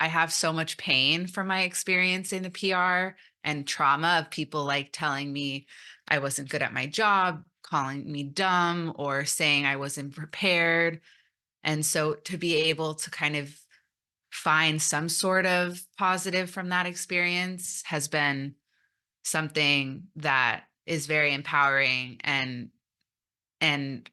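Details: Stuttering in an adult woman who came out as a person who stutters almost three years ago after 29 years of denial, presenting at a stuttering conference.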